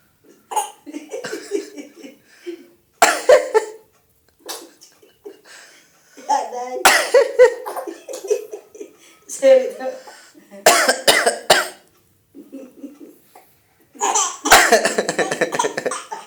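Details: An adult father gives a few deliberate voluntary coughs, and an infant answers each one with giggles and laughter.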